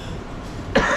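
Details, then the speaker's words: Quiet room, then a single abrupt, harsh cough burst near the end from an adult with COVID-19 and a sore throat; cough. "yeah, I mean, sorry, I'm coughing. I never cough, this just doesn't happen in my life."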